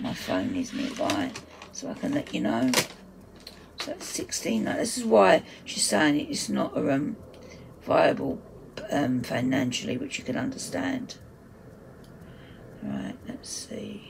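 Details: Adult woman whose dysphonia, she says, is playing up; dysphonia.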